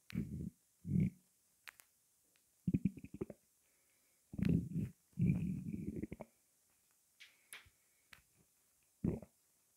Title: Cola swirling around my stomach